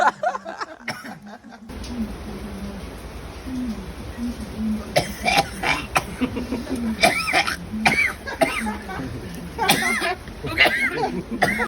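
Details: An adult coughs in repeated harsh bursts after smoking a traditional Vietnamese tobacco pipe, over a steady low hum.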